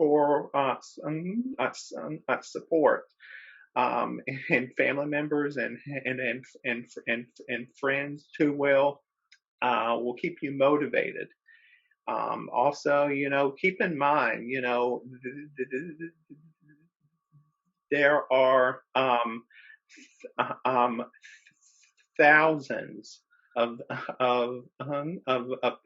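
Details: Adult man who describes himself as a person who stutters, speaking in a webinar with repetitions and filler interjections; stuttering.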